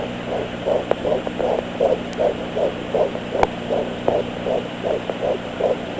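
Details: Fetal heartbeat on Doppler at 13 weeks 3 days: rapid, regular whooshing pulses, roughly 160 beats a minute, over steady hum.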